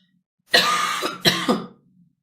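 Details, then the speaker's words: Adult woman with a bad cough and hoarse voice: two harsh, forceful coughs in a quiet room. "Perdão. Ai, tô com uma tosseca, ruim."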